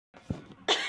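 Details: One short, sharp cough after a brief throaty onset, acted by a woman asking a doctor for cough medicine in a comedy skit.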